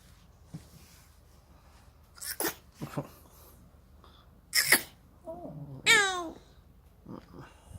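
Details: Dog sneezing: a few short, sharp sneezes with brief snorting breaths and a small whine between them; an ordinary sneeze.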